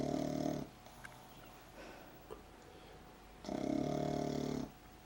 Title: Saya the pug snoring...again